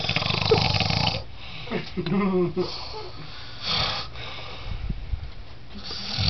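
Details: Loud, rough snoring in long rattling breaths from a man passed out asleep, with television sound in the background; snoring.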